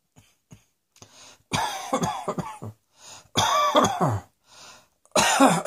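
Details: Acted adult coughing: three harsh, voiced coughing bouts with throat-clearing sounds and brief inhalations between them.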